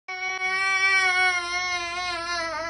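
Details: Baby crying: a single sustained, high-pitched infant wail with a steady tone and slight wavering toward the end.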